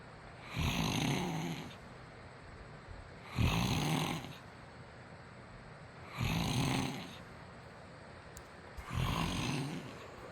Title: husband snoring #nosleep